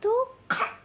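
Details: Baby pretending to cough (fake, acted cough): a brief rising vocal sound, then a breathy, cough-like burst.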